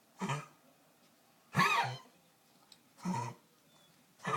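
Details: Three short, harsh hacking coughs a second or so apart, then the start of a fourth, from a dog.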